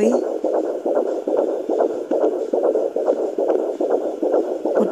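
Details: Fetal heartbeat on Doppler at 17 weeks of pregnancy: rapid, regular galloping whooshes at about 140 beats a minute.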